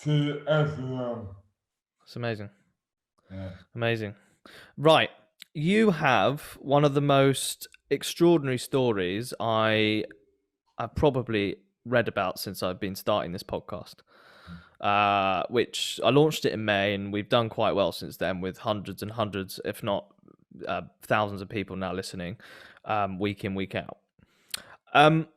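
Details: Adult male speaker (podcast host); plain speech.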